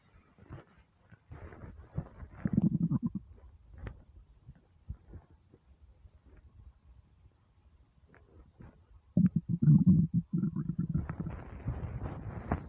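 Low gurgling stomach rumbles in bursts, louder near the end; ordinary hunger borborygmi, a normal sound.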